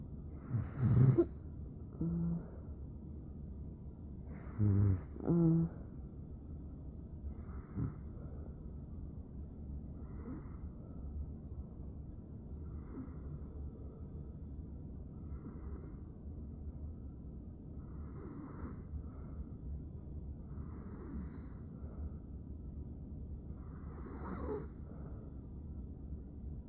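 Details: Adult with self-reported severe obstructive sleep apnea, stopping breathing about 48 times a night, recorded asleep; loud snort followed by soft, rough, rhythmic snoring in a quiet room.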